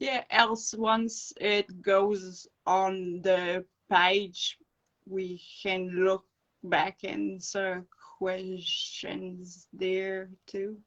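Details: Adult woman with non-fluent aphasia after encephalitis and an anaesthetic-related brain injury; speech slow and broken, with dropped words when fatigued.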